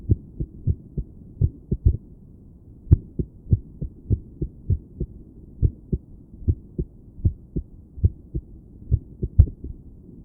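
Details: Woman sitting on her bed listening to her own heart with a stethoscope, trying to sit still and breathe slowly. Low thumps with uneven spacing, a noticeable pause and bunched beats: irregular heartbeat.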